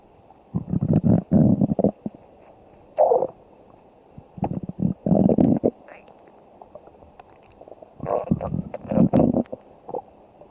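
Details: Stomach growling: bursts of low, bubbling gurgles and rumbles separated by quiet gaps; hunger-related borborygmi.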